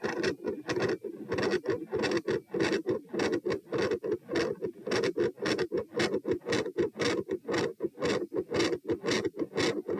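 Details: Heart sounds recorded at chest position P in part 3 of a lie-stand-lie postural stress test, rate changing 84-120-126-78 bpm: loud, dense waveforms with abrupt intensity changes; normal heart sounds with raised rate.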